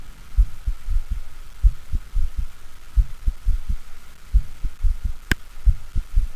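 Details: Simulated mitral stenosis with an enlarged left atrium and thickened but mobile mitral leaflets: an opening snap is followed by a low-pitched rumbling diastolic murmur that lasts until mid-diastole.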